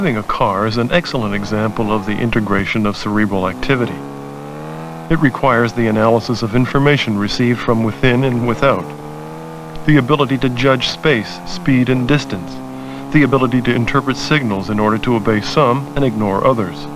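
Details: Adult male narrator; normal speech.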